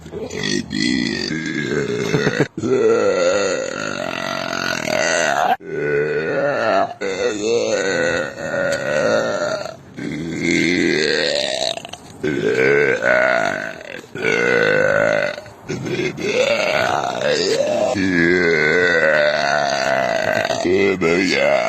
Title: burping out loud